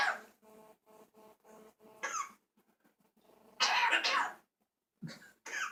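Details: Child coughing: a child's voice with a few short, harsh coughing bursts between quieter voiced sounds; ordinary cough.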